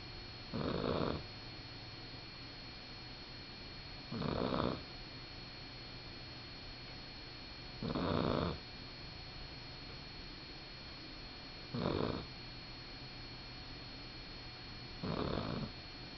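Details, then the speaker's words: Sleeping male puppy: soft, regular snores, about 17 a minute, over a steady background hum; snoring. "I love hearing him snore. Little boys are out for the count for a little while."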